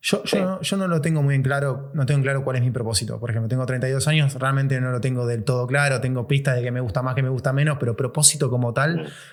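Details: Adult male speaker; typical speech.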